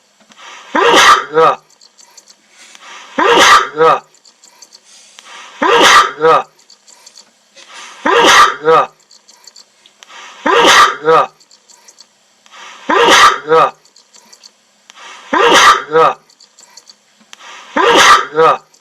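Eight sharp, regular sneezes about 25 a minute, each a brief rising snort-like burst; a run of repeated sneezing.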